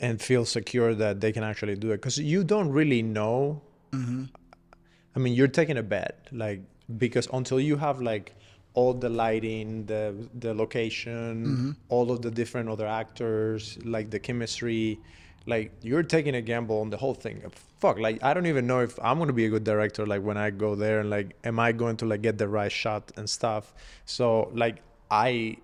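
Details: Adult male speaker; normal speech.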